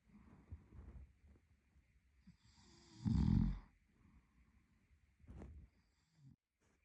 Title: Snoring Boyfriend | My favorite Whitenoise